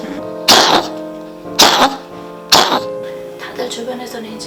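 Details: Dog that has coughed endlessly for two months but has nothing wrong, acting like a patient indoors yet bright outside; three short, harsh, dry feigned coughs about a second apart over background music.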